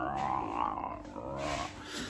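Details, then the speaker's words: Hungry adult's stomach makes a low, drawn-out gurgling growl after breakfast, with food in view; stomach growling (borborygmi) from hunger. "My stomach keeps making this sound."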